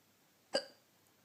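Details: Hiccup in the dark while trying to sleep: a single abrupt, voiced catch in a quiet room.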